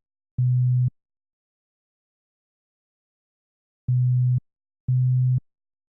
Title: Hearing Test 1 - 125Hz